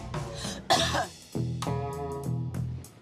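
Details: Single loud, forceful cough burst over background music, followed by musical tones; an adult woman's cough shown in an educational segment on cough droplet spread.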